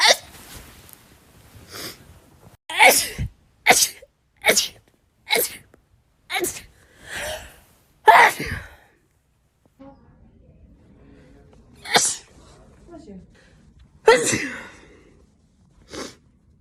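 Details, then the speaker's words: Real sneezing in a woman (Kate), who says she hates sneezing right now and it really hurts: a rapid run of about eight short sneezes, then a pause and three more spaced sneezes; rapid repeated sneezing. "the need to sneeze is real i hate sneezing i hate it right now i hate it other times i don't care but i hate it right now"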